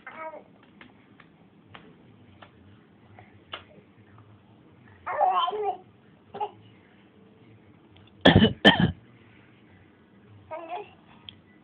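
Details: A young child gives a few short, deliberate fake coughs in a quiet room, then tries to eat his play pen. Voluntary cough.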